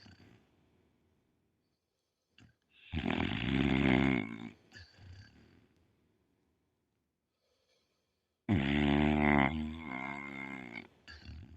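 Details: Pit bull dog snoring while asleep: two long, loud, rumbling snores with quiet pauses between them.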